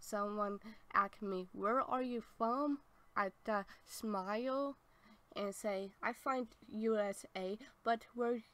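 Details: Adult woman born in 1990 with apraxia of speech since childhood, persisting into adulthood and possibly lifelong; had speech therapy through high school; apraxia of speech.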